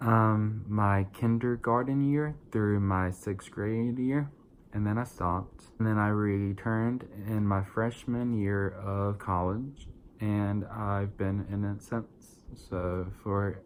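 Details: 22-year-old adult with verbal apraxia of speech, a neurological brain-to-mouth motor planning disorder without muscle weakness. Diagnosed as childhood apraxia of speech when young and rediagnosed as verbal apraxia around age 20, with about 8 years of speech therapy: apraxia of speech.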